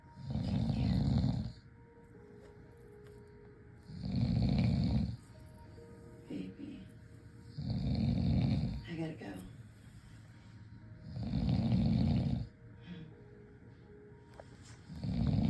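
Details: Yorkie dog snoring in sleep: regular low rattling snores about every 3.8 seconds, roughly 16 a minute, with faint music behind.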